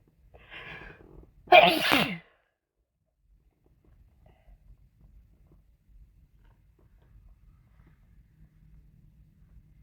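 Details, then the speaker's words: Sneeze while sick with a head cold, from a compilation where many are induced: a short indrawn breath, then one loud forceful sneeze, then near silence. "Okay, I'm gonna try to hold back as long as I can. At least that's the goal."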